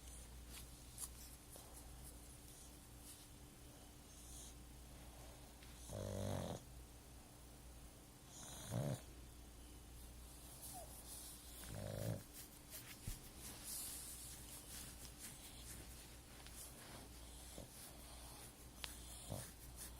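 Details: Male sleeper snoring while lying on the recorder's foot: three loud rasping snores about three seconds apart over steady room hum, with soft breathing between.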